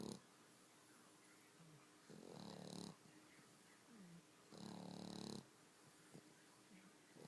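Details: Female dog snoring loudly while asleep: rattling snores on each breath about two seconds apart, with quieter breaths between.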